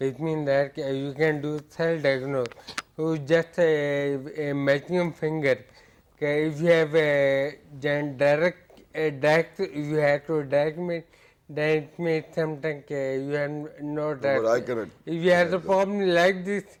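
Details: Ataxic dysarthria in a male patient with hereditary ataxia for about eight years; ataxia described as affecting his speech.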